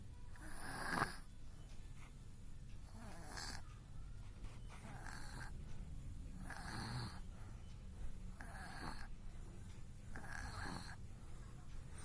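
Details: Baby snoring during sleep: soft rhythmic snoring with each breath, about six breaths in twelve seconds, roughly 30 a minute, with light room noise.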